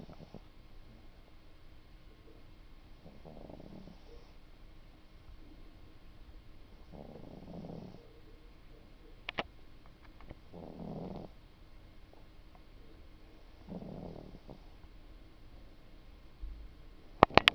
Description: just to prove that my cat snores. that's all.